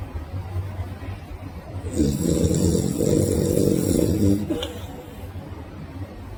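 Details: Sleeping dog gives one long, rattling, buzzy snore over a steady low background rumble, raising its paw mid-snore; snoring.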